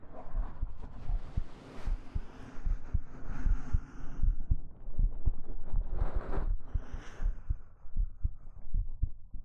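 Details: Soft low thumps around 78 a minute under fabric rustling, a steady normal heartbeat in an ASMR recording.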